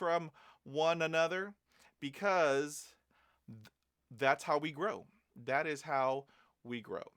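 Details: Adult male who stutters, with fluency phases of better and worse speech over days to months, managed with learned tools and techniques: stuttering.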